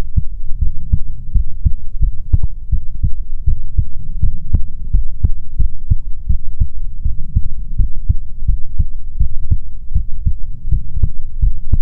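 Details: ASMR heartbeat recording: steady deep thumps at roughly 90 a minute under a constant low hum, picked up by a close microphone.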